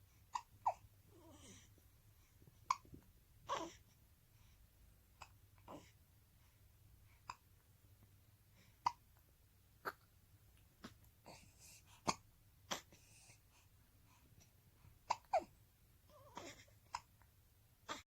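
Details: Newborn baby girl with hiccups: roughly a dozen short, sharp hiccups in under twenty seconds, with soft baby breathing between them.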